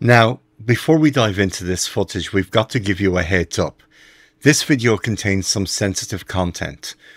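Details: Adult male narrator; ordinary fluent speech.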